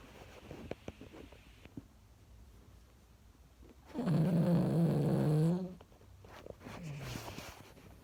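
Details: Sleeping dog snoring with its eyes open: one loud, low, rattling snore under two seconds between quieter breaths.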